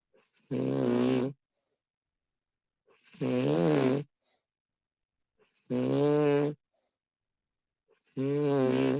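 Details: Woman snoring during sleep, professionally recorded: four loud, buzzing, voiced snores about 24 a minute, each a short vibrating tone on the breath in, separated by silence; snoring.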